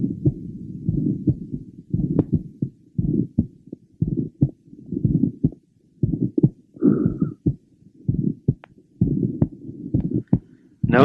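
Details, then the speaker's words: Mitral valve prolapse variant with multiple rapid successive clicks in the first half of systole, resembling the flipping of a deck of cards or the creaking of new thick leather; heartbeat near 58/min. "that these rapid uh system clicks occur in the first half of syy rather than in mid or late Cy this rapid succession of clicks can simulate the flipping of a deck of cards or the creaking of new thick [Music] leather"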